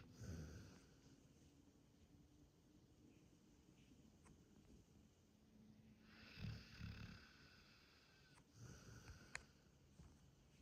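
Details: Soft, uneven snorting breaths from a sleeping dog over quiet room noise; light snoring.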